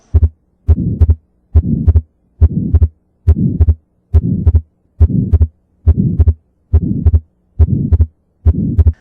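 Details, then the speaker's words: Atrial septal defect example: ejection systolic murmur with fixed split S2 (A2–P2 interval unchanged in inspiration and expiration); regular heartbeat near 70/min with soft systolic murmur and split second sound. "atrial septo defect is characterized as an ejection systolic mermer with fixed split S2 so here as I just discussed earlier the atrial septo defect has a fixed splitting meaning that during expiration and inspiration the distance between the A2 and P2 is fixed"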